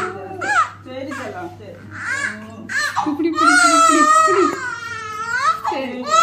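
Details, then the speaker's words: Baby crying loudly during ear piercing, with sustained rising and falling wails; a distress cry in response to pain, lasting about five minutes after the first piercing. "அப்ப பேக்ல சொன்னா expect பண்ணதை விட பாப்பா வந்து கம்மியாதான் அழுதா first குத்தி ஒரு பைவ் மினிட்ஸ் அழுதிருப்பா"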